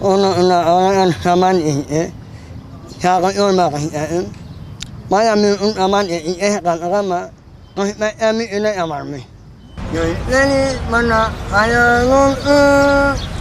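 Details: 46-year-old man with a speech disorder from a congenital cleft palate that was surgically repaired with a platinum plate placed in the palate; cleft palate speech.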